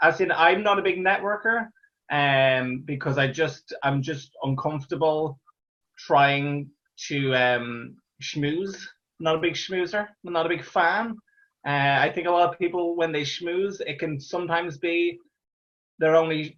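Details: Real stammer in an adult Irish male stand-up comedian who has stammered through his comedy career since 2010, speaking conversationally with repeated phrases; stuttering (stammering).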